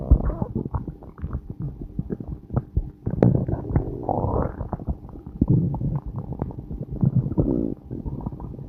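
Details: Human stomach growling, recorded around a time of passing gas: continuous low bubbling and gurgling rumbles with brief squeaky growls; active borborygmi.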